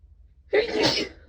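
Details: Sneezing series that began stifled and was then let out, with false starts and a rather soft final sneeze: a single sharp, explosive burst of air after a brief quiet lead-in.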